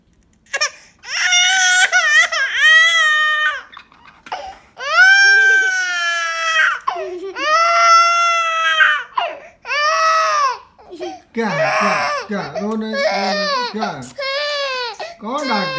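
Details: An infant boy cries in repeated high-pitched wailing bursts separated by brief catch breaths.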